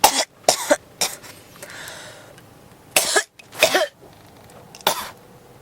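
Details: Persistent cough that will not stop: five harsh cough bursts, some paired, in under six seconds, with short quiet gaps.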